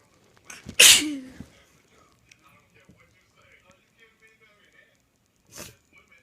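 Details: Messy, snotty sneezing: one forceful, wet sneeze after a quick breath in, then a softer second sneeze a few seconds later in a quiet room.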